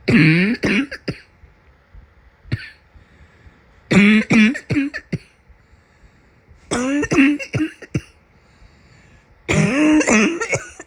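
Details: Four clusters of hacking coughs, several per burst, raspy and slightly wet, from a person's summer cold.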